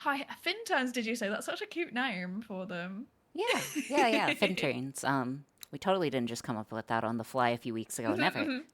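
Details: Adult woman speaking; normal voice.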